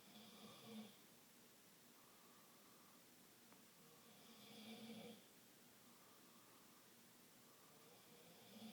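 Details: Soft, raspy snores about every four seconds, roughly 15 breaths a minute, against quiet room noise; ordinary snoring.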